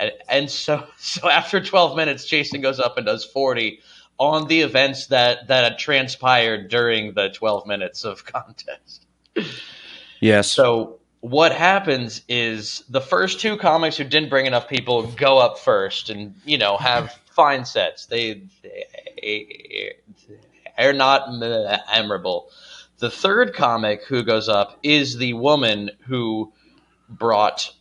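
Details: Adult male comedian who says he has a stutter; stuttering.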